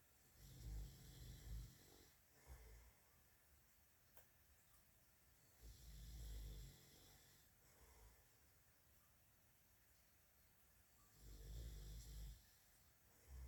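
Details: Low, deep snoring in slow cycles, about three breaths in the stretch, in a quiet room; a hamster reacts to the snoring.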